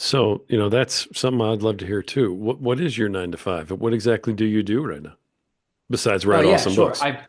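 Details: Adult male speaker; typical speech.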